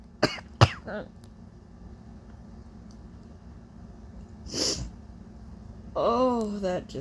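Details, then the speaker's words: Adult attempting to make themself sneeze after putting spices up their nose, nose running: two sharp sneeze bursts, then a breathy burst and a voiced exclamation over steady hum. "okay so I got two sneezes honestly that's good enough for me"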